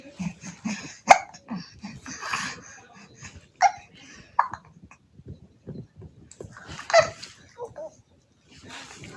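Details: Twin babies hiccuping at the same time: about four sudden sharp hiccup catches amid baby babbling and soft vocal sounds.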